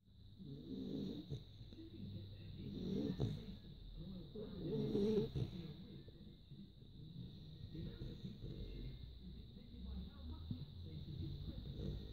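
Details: Young female beagle puppy, tired and asleep after a long walk, has just started snoring: low, rumbling, irregular snores over a steady high background whine.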